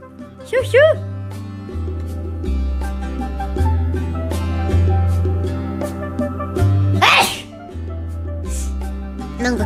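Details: Sneeze combo over steady background music, with one loud, explosive burst in the middle; sneezing.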